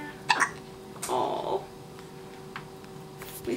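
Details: Newborn baby boy with hiccups on his first morning, just after a feeding, swaddled with one hand free, his first hiccups outside the womb: two or three short, sharp catches of breath with soft infant sounds.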